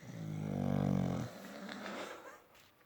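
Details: Snoring contest between two sleepers: one long, low, rumbling snore on a breath, followed by a softer, noisy breath, in a small room.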